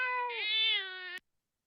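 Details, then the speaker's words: Sample tired or sleepy infant cry from a baby-cry translator app's reference set: a single short, high, tonal wail from a young infant, rising then easing down. "itu kemudian bagi lelah atau mengantuk"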